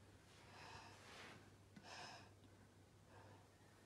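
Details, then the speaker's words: Child having an asthma attack takes two to five slow steady breaths through a spacer with face mask after one puff of a shaken metered-dose reliever inhaler, chin elevated; soft airy breaths, about three cycles, with faint clicks as the mask valve moves back and forth. "eve takes two to five slow steady breaths to inhale the dose the valve in the mask will move back and forth"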